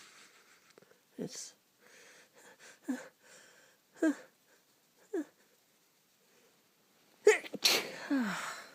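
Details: Person with a cold, still sneezing: quiet sniffs and short breathy bursts, then one loud explosive sneeze near the end, in a quiet room.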